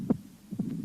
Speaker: при митральном стенозе на верхушке слышен хлопающий первый тон щелчок открытия митрального клапана и диастолический Шум